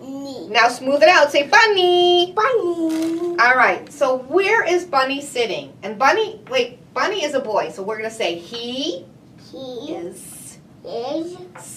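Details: Adult woman speaking during play; normal adult speech.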